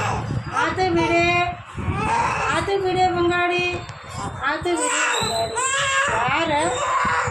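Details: Two-month-old baby girl having her ears pierced: loud, high-pitched crying and screaming in pain while adults chant and soothe in the background; infant pain cry.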